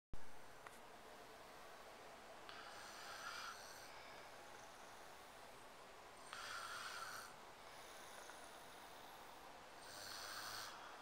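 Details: Mother and daughter sleeping in the same position, both snoring: soft, recurring hissing snores every three to four seconds.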